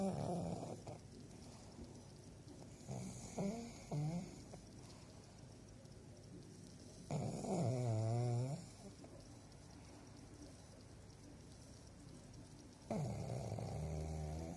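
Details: Sleeping female pug: slow, loud, rumbling snores with snorty breaths, roughly four over fifteen seconds; snoring in a flat-faced dog.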